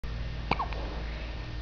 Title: hiccups situation